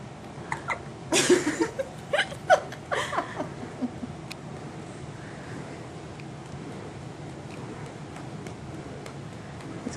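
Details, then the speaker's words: Infant boy's loud hiccups, shortly after nursing about 25 minutes plus a supplemental bottle: several short, sharp catching sounds in quick succession, then quieter ones over steady room hiss. "this is aim with the hiccups and they're really loud and really cute"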